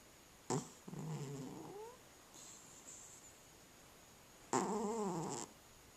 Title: Cat Snoring